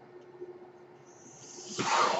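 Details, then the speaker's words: Podcast host's own mechanical ventilator heard while he speaks: faint steady hum with a rising airy hiss swelling into a loud rush of air as the ventilator delivers a breath. "hello everyone my name is that noise you're hearing is my ventilator and welcome to page-turners"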